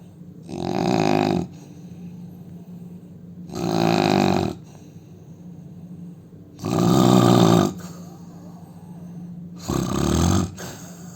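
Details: Loud rough inspiratory snoring from a sleeping Indian man, four snores in about eleven seconds with quiet gaps, steady low hum behind.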